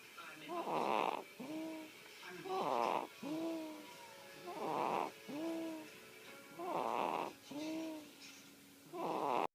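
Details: Regular rasping snores about 29 a minute, each followed by a squeaky, whistling breath out: a sleeping cat's snoring.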